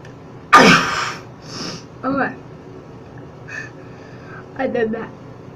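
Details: A single sharp, explosive sneeze, then a few soft voice sounds in a small room: sneeze.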